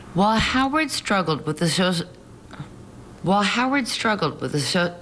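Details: Adult woman recorded while drunk, reading aloud; slurred speech from alcohol intoxication, as she could read the words but could not make her mouth say them.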